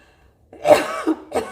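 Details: Two short, harsh coughs in a quiet room from a patient with idiopathic intracranial hypertension and a VA shunt, whose coughing attacks are worsening; the patient also reports severe headaches and voice problems.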